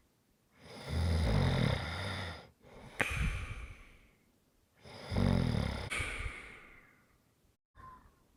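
Deep, rattling snores on breathing in, each followed by a breathy exhale. Two full breath cycles, roughly 15 a minute. Snoring.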